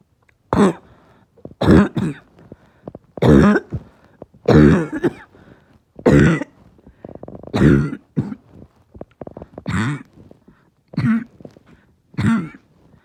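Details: Barking cough in a person whose chest is really hurting: about ten harsh, deep coughs in a row, with a rough barking quality and brief pauses between them.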